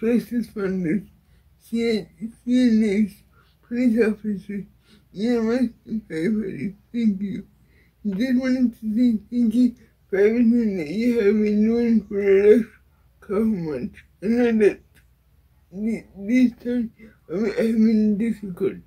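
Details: Dysarthria in an adult woman with cerebral palsy.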